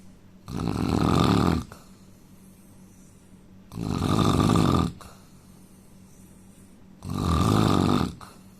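Three loud, low, rattling snores on the in-breath, each about a second long, with quiet pauses between, about 20 breaths a minute.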